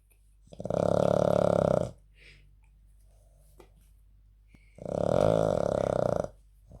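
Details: Two long, loud, rattling snores about four seconds apart, with quiet breathing between, from a Puggle dog; snoring.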